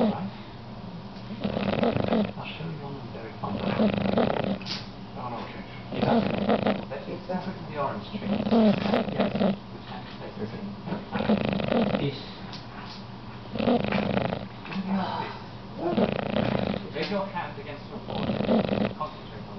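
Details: Snoring: steady, loud, rumbling snores at about eight breaths a minute, each inhalation rough and fluttering, with a quieter exhale between.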